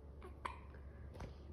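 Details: Infant niece with hiccups while trying to laugh: two short, sharp voiced catches about 0.75 s apart over low room hum.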